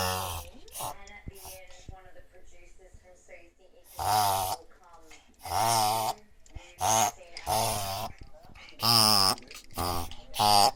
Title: Reverse sneezing chez un chien